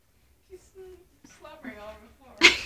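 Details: Corgi sneezing repeatedly: a few soft snuffles and nasal squeaks, then one sharp, explosive sneeze.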